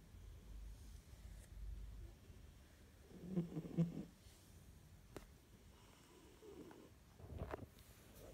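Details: Faint, low, rattling snores rising now and then above quiet room noise from a Siberian cat napping at lunchtime in its cat carrier; harmless snoring.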